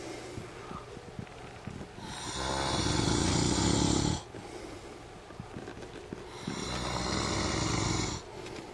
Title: My husband snoring like a farm animal